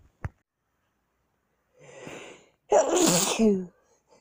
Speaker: I don't think my nose has another one. No, I won't sneeze. It isn't gonna happen.